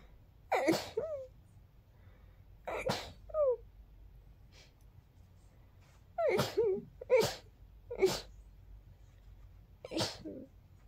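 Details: About seven small, sharp sneezes, some in quick pairs, from a small pet in a quiet room; sneezing.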